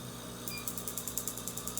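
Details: Tattoo removal laser firing on a patient's botched microblading eyebrows during her second laser session, final pass with DeScribe PFD patch over the brow; rapid series of faint, sharp clicking pulses over steady room hum.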